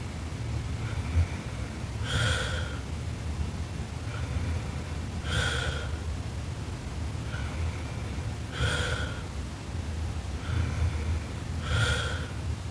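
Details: Sleeping Japanese girl snoring very loudly: rough snore on each breath, about four cycles in twelve seconds, over steady low room rumble.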